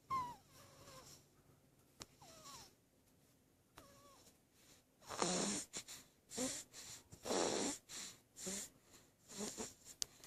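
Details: 2-week-old kitten snoring loudly while asleep: high mews at the start, then a run of short, noisy, rasping breaths, about 29 a minute.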